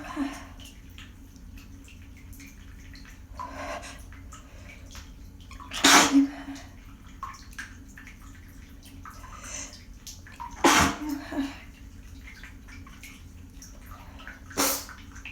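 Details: Three sharp, explosive sneezes spaced several seconds apart after holding back sneezes, over steady running-water noise; ordinary sneezes.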